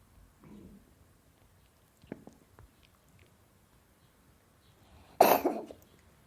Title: Cat coughing Sound